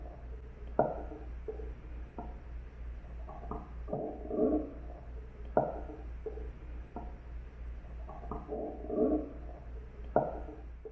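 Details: Bowel sounds auscultated on an M55 "Physiko" simulator abdomen: irregular clicks and soft gurgles every few seconds; normal bowel sounds.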